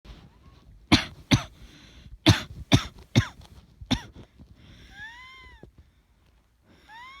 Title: 喘息 咳 asthma cough